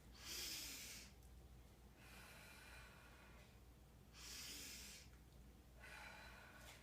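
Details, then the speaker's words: Acted by a student nursing assistant with a patient sitting upright, holding a pillow over the stomach: two slow, deep breaths in and out, each a long airy hiss, before coughing; deep breathing exercise. "and take a deep breath and then breathe out and keep do that two more times"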